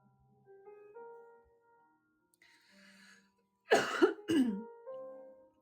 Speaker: So yeah, I still have this cough, but I've ordered some tea, some special tea, like some like antioxidant stuff, like good for my immune system.